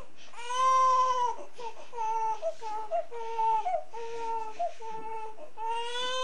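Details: Newborn baby boy crying in loud, rhythmic bursts with a clear, steady pitch and short breaths between cries; a typical newborn cry.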